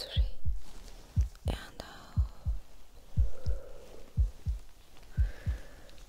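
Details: Regular paired low thumps at about 60 beats a minute, heard through a stethoscope during a simulated ASMR doctor check-up roleplay while the patient is told to take deep breaths; normal heart sounds.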